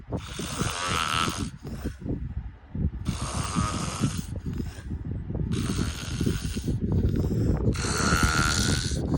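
Loud, rough snoring in repeated bursts about every two seconds, with a constant low rumble in the background.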